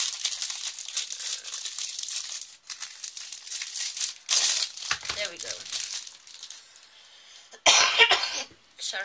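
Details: Cough.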